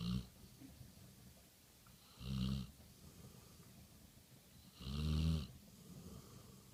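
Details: Sleeping chocolate Labrador dog snoring: low, rumbling snores on each breath, roughly every two to three seconds, with quiet breathing between them.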